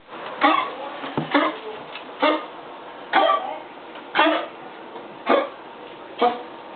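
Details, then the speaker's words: Cuddles' bad cough due to asthma and a mild collapsed trachea, recorded in 2012; cough. "All done. All done coughing. Yeah, you had a bad cough."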